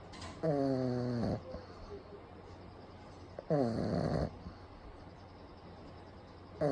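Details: Pug napping with eyes rolled back, recorded close up: loud, long, vibrating snores on each breath, about 20 a minute, with whistling, grinding tone; heavy brachycephalic snoring.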